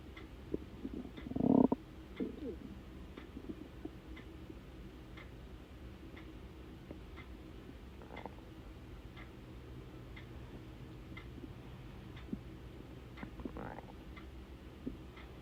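A loud gurgling stomach rumble, then a few softer gurgles: ordinary hunger bowel sounds, with a clock ticking behind.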